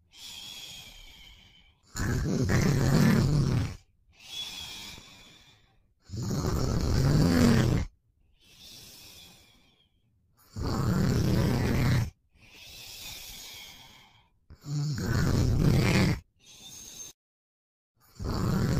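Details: Loud, low, rattling snores alternating with quieter breaths, about 14 breaths a minute, from a sleeping boyfriend; ordinary sleep snoring.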